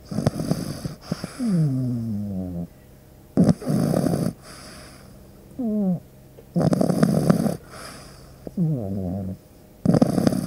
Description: This deep sleep video features the sound of a pug puppy snoring.